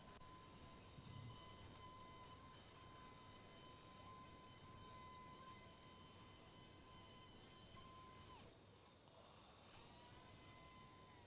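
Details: Surgical drill used in endoscopic removal of a recurrent biopsy-proven inverted papilloma from the left nasal cavity of a 43-year-old man: steady high-pitched whine on bone, briefly dropping off near the end, then resuming.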